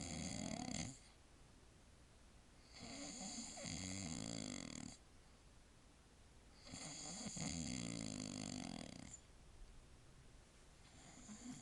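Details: Man asleep at 9:47 pm, exhausted after a child's birthday party: loud, rattling snores on each breath, about three in eleven seconds, with quiet pauses; ordinary snoring.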